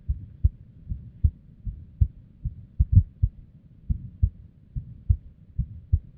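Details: Female's unstable resting heartbeat, abnormal heart audio recorded with a simple microphone or headphone: low thumps at uneven spacing, some early, some late, varying strength; irregular heartbeat with abnormal beats.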